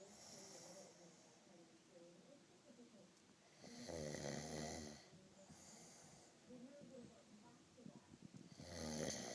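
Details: A person asleep in a bunk bed snoring loudly, with rattling snores and quieter breathing between them, roughly 13 per minute, in a quiet room.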